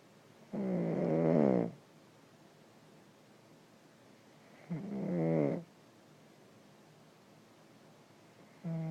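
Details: Loud rattling snores on each in-breath, about 15 a minute, separated by quiet pauses: snoring.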